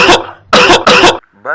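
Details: Acted cough from a comedic compilation of cough types: three loud harsh cough bursts in quick succession, then a short voiced sound.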